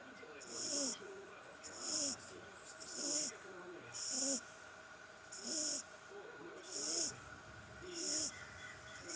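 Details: Soft, regular snoring at about 50 breaths a minute with a whistling, wheezy hiss on each breath from a 6-7-week-old English brindle bulldog puppy sleeping peacefully; small snore.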